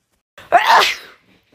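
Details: Girl sneezing: a single sneeze with brief breathy intake, then a sharp explosive burst that trails off.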